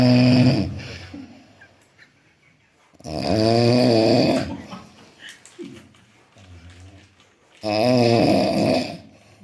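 Loud, rasping snores about every four seconds, with softer snorts and breath sounds between them.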